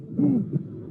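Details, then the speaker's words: A musical murmur in aortic valve disease, a rare finding without specific meaning, where the patient's thorax turns the sounds musical like an instrument. "is only the results of natural transformation of sounds in musical sounds due to the fact that in that patient the torx is working like a musical instrument"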